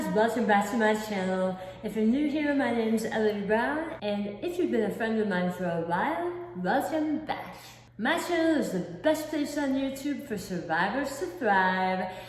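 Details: Articulation disorder with a lisp and imprecise articulation in an adult woman, not present from birth, after a 2018 hemiglossectomy for a large cancer at the back of the tongue; about half the tongue was replaced by a flap tethered to her cheek, limiting movement.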